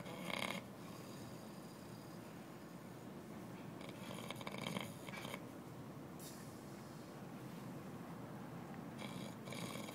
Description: Bum snores outside of federal office. He stops breathing.